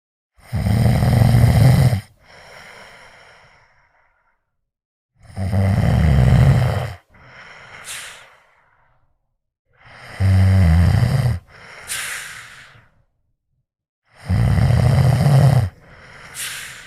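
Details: Loud, rough snores on each inhalation with quieter whistling exhalations, about four breath cycles in 17 seconds, from a sleeping man; ordinary snoring.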